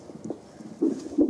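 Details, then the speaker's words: Twin pregnancy, fetal Doppler on the second twin: fast, rhythmic whooshing beats at about 148 per minute, after the first twin at 153; normal rate (120–160); normal fetal heart sounds. "Simplement pour avoir la bonne vitalité de l'activité cardiaque de votre enfant. Il a un rythme de base qui est parfait, il est à 153 là, donc c'est entre 120 et 160."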